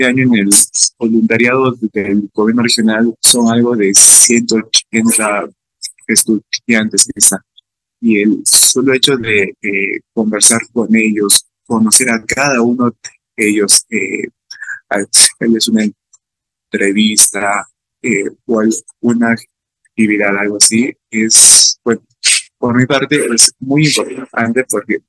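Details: Stuttering in an adult man, a psychology student from Peru, speaking Spanish.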